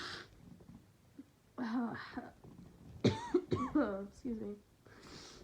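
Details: Several short, harsh bursts of coughing and throat noises with sniffing in a small room, from a sick person who is also sneezing and has a persistently tickling nose; coughing with a respiratory illness.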